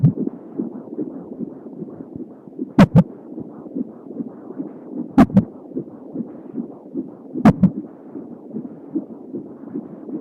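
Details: Home Doppler at 31 weeks pregnant with a baby girl: rapid, even whooshing fetal heartbeat with a few sharp thumps; the recording also captured fetal hiccups and kicks.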